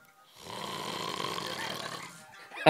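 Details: Man asleep in a pitch-black camping hut in a Scottish forest, keeping others awake all night: a single long, rough, rattling snoring breath lasting nearly two seconds. Snoring.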